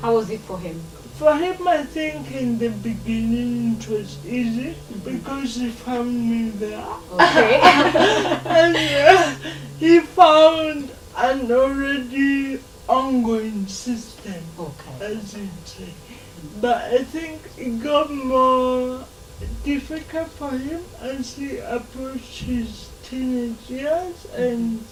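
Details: Dysarthria in a 27-year-old woman who has lived all her life with cerebral palsy, in conversation.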